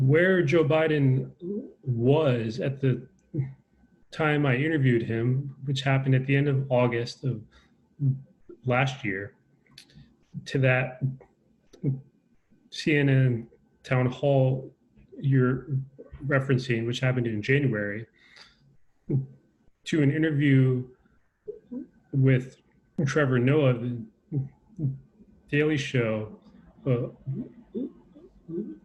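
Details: Adult man with a lifelong stutter, a person who stutters, who says he is less fluent when talking over Zoom, speaking in a real conversation: stuttering.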